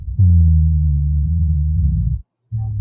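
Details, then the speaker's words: Low-pitched, continuous snoring-like rumble through a breath, typical of rhonchi from secretions in the larger airways, as heard in COPD, emphysema or chronic bronchitis. "Bronai is typical with like CPD, somebody who's had emphyma or chronic bronchitis here."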